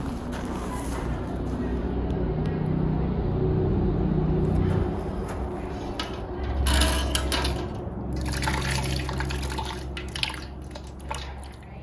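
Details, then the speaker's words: Horse with oesophageal choke (December 2021) getting nasogastric tube lavage: gurgling, splashing water and low rumbling as fluid is flushed and material returns. The obstruction is too big to pass to the stomach yet. "there's so much stuff that's coming up yep i think it's too big it won't go into your stomach yet we just gotta flush some of it out"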